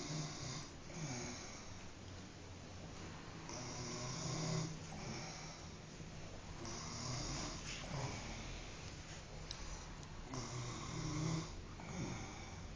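Loud, rough snoring with repeated breath cycles, about 14 a minute, over steady room hiss.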